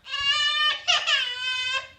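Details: A brief, high-pitched wailing cry from a baby, with a break in the middle and room sound behind; infant cry.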